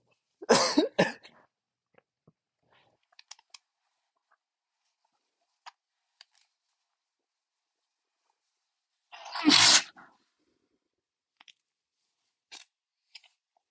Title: Uncontrolled Sneezing (m)